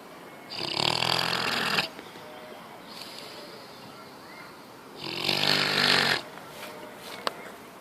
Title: Piggy snort-snore 🐽 #cutedog #funnydogs #funnyvideos #dogsnoring #lifestyle #subscribe #shorts